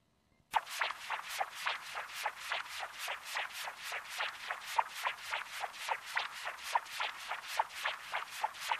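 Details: 11-week-old puppy (dog) with mitral dysplasia; Doppler heart flow sound: rhythmic whooshing flow pulses with each heartbeat, consistent with abnormal flow across the malformed mitral valve.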